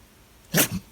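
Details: Dog sneezing on waking from sleep, perhaps from hair up its nose: a single short sharp human-like sneeze with brief second puff; sneeze.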